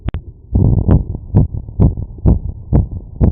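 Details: Quick, strong heartbeats heard through a stethoscope at about 130 a minute, a raised heart rate after physical workload.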